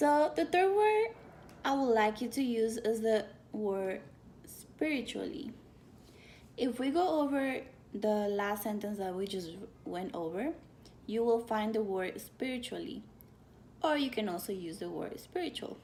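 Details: Adult woman speaking; typical speech.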